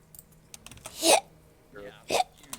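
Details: Streamer hiccupping while talking during a gaming livestream: two sudden, sharp hiccup bursts about a second apart, with keyboard clicks in the background; hiccups.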